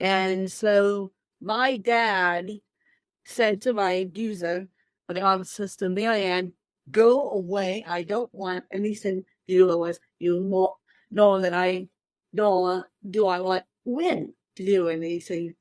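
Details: Adult woman with cerebral palsy since birth, born 13 weeks premature weighing one pound thirteen ounces; dysarthria (cerebral palsy).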